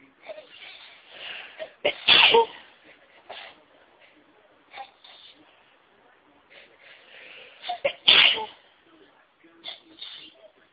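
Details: Adult already feeling sneezy: two forceful sneezes about six seconds apart, each preceded by quick catching inhalations, with quiet breathy sounds between; ordinary sneezing.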